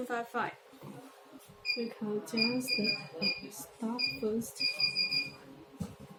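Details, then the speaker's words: New handheld pico laser, 1064 nm tip (maximum energy 2500) fired in a test demonstration with "very strong" power: repeated short, high electronic beeps with voices in the background. "okay we can use one to do testing wear the glasses before doing the treatment use the photo okay you can see the power is very strong"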